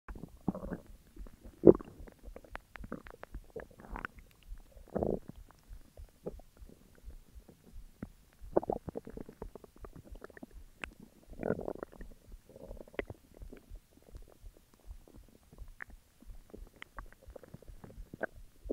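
Intermittent gurgling growls and squeaky rumbles from the belly between quiet gaps; ordinary stomach growling.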